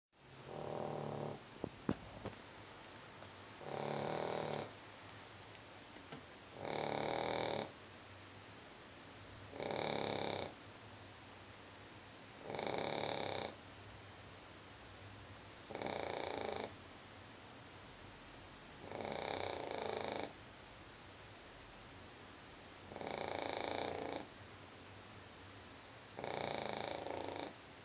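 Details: Pug snoring during sleep, a dog that snores a lot: loud, regular snoring, about 18 snores a minute, each a coarse rattling inhalation.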